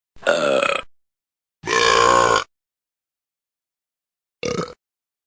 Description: The talking cats burping.